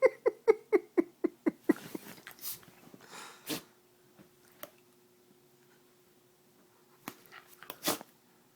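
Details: Small pet dog that sneezes when excited: a run of squeaky animal sounds, then a few sharp, short bursts of air through the nose; sneezing.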